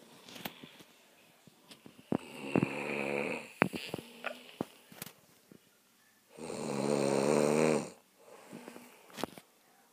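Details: Person snoring: two long, rough, rattling snores on breathing in, separated by quieter breaths with small clicks and room noise.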